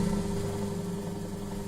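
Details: Suction machine running: steady low motor hum and constant drone during a nursing-school demonstration of oro-nasopharyngeal suctioning of the upper respiratory tract.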